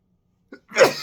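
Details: Sneeze: a short catch of breath followed by a single sharp, forceful sneeze.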